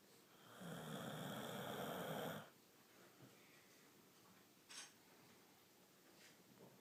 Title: My snoring staffy